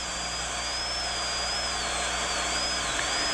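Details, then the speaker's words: Shrill, wavering high-speed handpiece whine reducing a cusp of a child's rotated mandibular left second primary molar (gross caries) after proximal slicing, sparing the adjacent first permanent molar, during stainless steel crown preparation. "Because the proximal slice was completed, the cusp of the rotated tooth can be reduced without danger to the adjacent first permanent molar."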